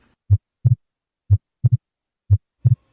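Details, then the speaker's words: Normal heart sounds at the aortic area, right side beside the sternum: regular clean lub-dub at about 90 per minute, no murmur, second sound (aortic valve closure) predominating. "el sonido que predomin escuchar en este foco es el segundo ruido cardíaco que corresponde al cierre de la válvula aórtica"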